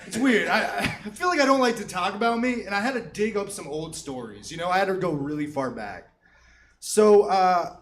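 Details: Adult comedian speaking on stage; normal fluent speech.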